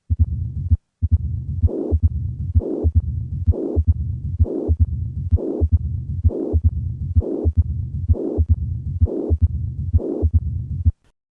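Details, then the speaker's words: A simulated heart at about 65 beats a minute with continuous low rumbling murmurs of combined mitral stenosis and mitral regurgitation. "Listen once again to combine mitro stenosis and regurgitation."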